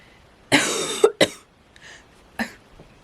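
Three dry, harsh cough bursts, the first longest, with no wet rattle, in a quiet room; a dry cough in COVID-19.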